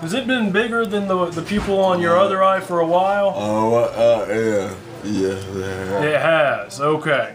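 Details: Man with temporary drug-induced dystonia caused by neuroleptic medication for schizophrenia, recorded after Benadryl; jaw improved but tongue still affected; hyperkinetic dysarthria (oromandibular dystonia).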